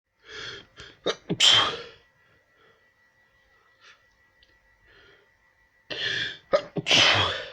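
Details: Repeated nonstop sneezing: two forceful sneezes, each preceded by short catching inhalations, separated by a few seconds of quiet.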